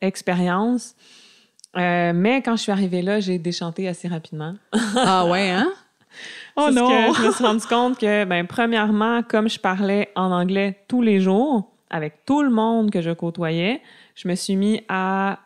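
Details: Adult woman who identifies as a person who stutters, with stuttering audible; finding: stuttering.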